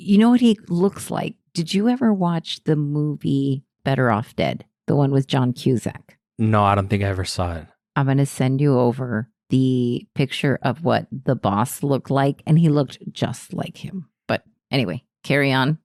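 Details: Adult speakers in conversation; normal voice.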